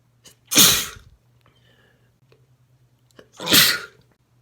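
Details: Two loud, wet, explosive sneezes a few seconds apart with quiet breathing between, from a male; wet sneezing with spray.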